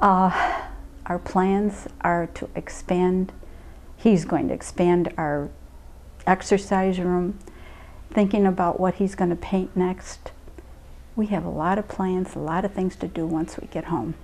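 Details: Adult woman speaking; normal speech.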